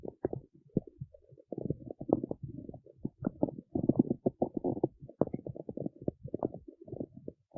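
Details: Stomach growling in the city: irregular gurgling, bubbling rumbles in rapid bursts for several seconds, from gas and fluid moving through the gut (borborygmi).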